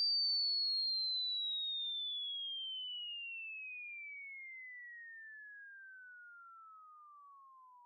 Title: ANNOYING SOUNDS part 3 tinnitus